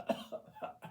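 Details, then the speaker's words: Adult patient recovering from a respiratory illness, asked to cover mouth and cough so the lungs can be heard, gives a short series of clear, dry voluntary coughs without rattle or wetness; examiner judges her clear. "Cover your Cover your mouth and cough for us. Let's just hear how your lungs sound."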